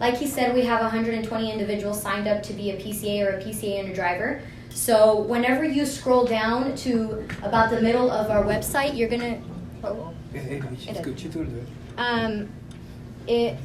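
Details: Adult woman speaking; ordinary speech.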